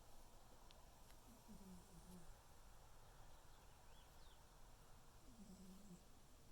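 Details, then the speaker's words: A sleeping tuxedo male cat snoring loudly: two low, buzzing snores a few seconds apart over quiet room noise. "You're so cute. You're snoring so loudly, Noodle."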